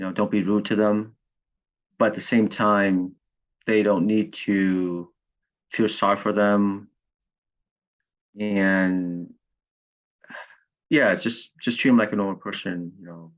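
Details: Stuttering with cluttering in a client in fluency speech therapy; he learned of his cluttering only three or four years ago, having earlier thought he just talked fast.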